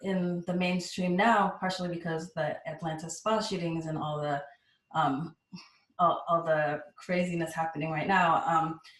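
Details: Adult speaker; normal speech.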